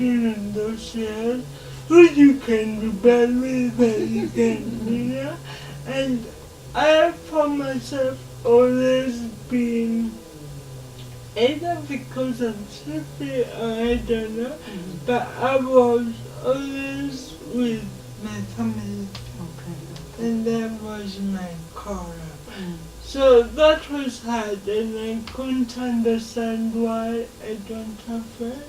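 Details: Dysarthria in a 27-year-old woman who has lived all her life with cerebral palsy, in a real, unscripted conversation.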